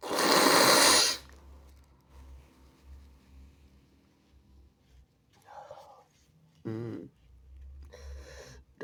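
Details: A person (he/they) trying to hold back induced sneezes: one loud, wet, explosive sneeze, followed by quieter sniffing and breathing.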